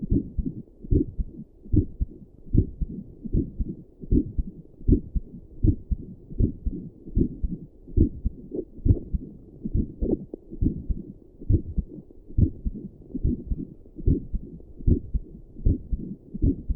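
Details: Heartbeat while sitting at a desk, with a visible neck pulse, recorded through doppler and stethoscope audio combined: steady, low thumping heartbeat at about 75 beats a minute.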